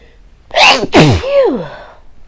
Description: Woke up this morning and could not stop sneezing. Not sure if it was pollen or not simply because the day before it rained all day.